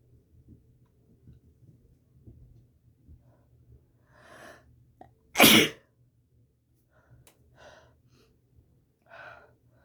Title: Forceful sneezes